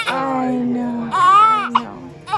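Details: Newborn baby girl crying right after a successful VBAC delivery: sustained, strong crying with rising and falling wails, with music in the background.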